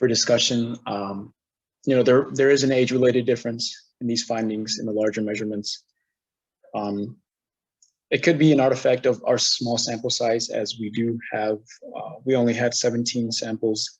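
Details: Adult man speaking; normal voice.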